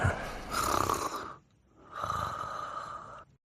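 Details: Cartoon soundtrack of two dogs, Pongo and Perdita, sleeping together (simulated snoring): two long, rasping snore-like breaths with a short pause between.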